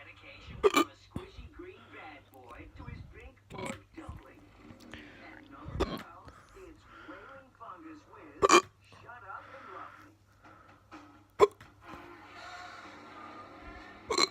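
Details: Very fast, non-induced hiccups: sharp, abrupt hiccup sounds, about four to five in fourteen seconds, between quiet talking and room noise.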